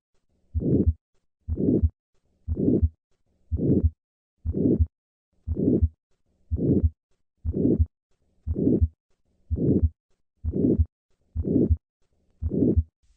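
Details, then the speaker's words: Simulated aortic stenosis at about 59 a minute: three normal beats, then a harsh, diamond-shaped systolic murmur, heard best at the second right intercostal space with the diaphragm; later peaking indicates more severe stenosis. "The murmur of aortic stenosis is a harsh, diamond-shaped murmur as shown by this phonocardiogram. Listen to a patient with aortic stenosis. I will begin with 3 normal beats and then add the murmur."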